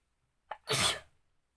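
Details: A short, sharp inhaled catch, then one loud, explosive, hissing burst during a sneezing challenge using pepper; a single sneeze.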